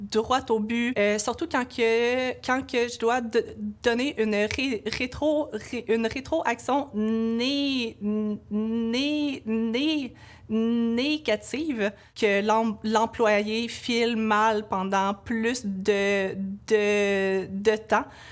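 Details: Stuttering in an adult woman, a laboratory supervisor, with part-word and sound repetitions, in a stuttering awareness testimonial.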